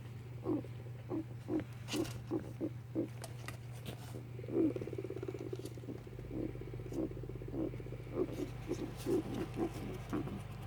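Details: 4-year-old male guinea pig that keeps making these noises despite a vet visit on 8 Dec 2016; cause unknown: repeated short, sharp squeaky bursts over a steady low hum; coughing or sneezing?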